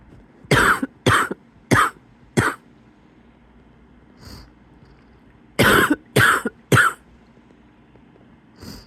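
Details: A wheezy cough in bed on waking, before getting up: two runs of four sharp, rough, wheezy coughs separated by quiet breathing.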